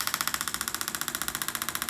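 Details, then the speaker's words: Radial shockwave therapy handpiece over the heel (calcaneus) of an adult with years of chronic ankle pain after vehicle accidents, trauma and ankle fractures: loud, rapid, steady mechanical tapping, about fifteen strikes a second. Pitch shifts when the probe meets scar tissue. "All right, so I do need to make adequate pressure and contact for this to work effectively. And as I move the apparatus around, you will hear a different noise frequency."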